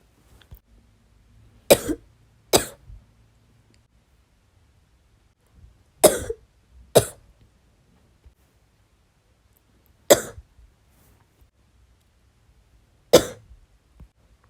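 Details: A female gives six harsh, loose coughs, two close pairs and then two single coughs: bronchitis cough.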